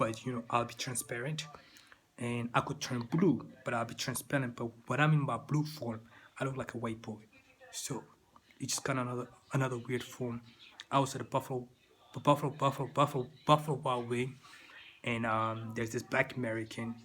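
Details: Stuttering in an adult man who says he still stutters, with a repeated word.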